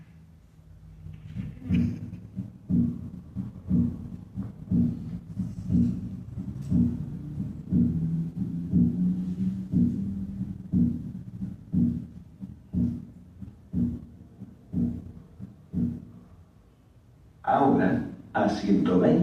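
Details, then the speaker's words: Fixed splitting of the second heart sound, unaffected by respiration and described as occurring with severe pulmonic stenosis or atrial septal defect; regular beat at about 60 per minute with S2 as two close clicks, then music. "ocurre en los pacientes con estenosis pulmonar grave o defectos del tabique interauricular escuchemos primero a 60 latidos por minuto"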